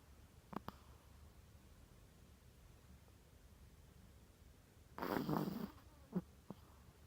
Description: snoring chihuahua